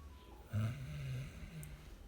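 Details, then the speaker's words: Sleeping son who claims he never snores, snoring loudly "like a tractor" while apparently dreaming: one low, rumbling snore on a single breath over faint room noise. "Oi amiga meu Deus coloca muito filho tu tu ronca muito filho eu não ronca e essa sono meu Deus filho como tu ronca muito e tu ronca demais filh"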